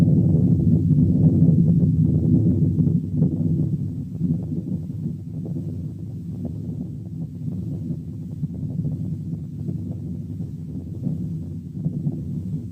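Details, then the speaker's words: Venous hum heard only over the neck: continuous low roaring hum without gaps, abolished by pressing one finger on the root of the neck. "دي كاركترايز بانها اولا ما بتتسمعش الا على الرقبه، وثانيا نقدر نوقفها ونضيعها خالص باننا نضغط على الروت اوف ذا نيك with one finger."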